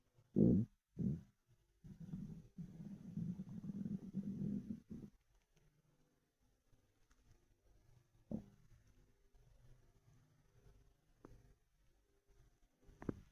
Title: Ravenous stomach rumbles